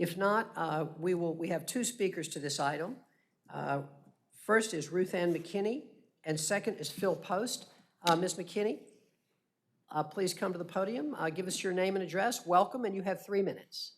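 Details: Adult speaker; no disorder.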